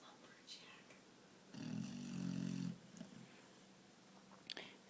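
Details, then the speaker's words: A loud, deep rumbling snore on one breath from a small female puppy, sounding like a big man, with quiet room noise; dog snoring. "everybody hear that giant overweight man sound that would be coming from this little lady puppy she's so cute until you try to get some sleep that's what she sounds like"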